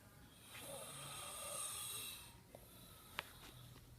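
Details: An older brother snoring loudly during sleep: a single long, rough, rattling breath noise followed by a couple of faint clicks.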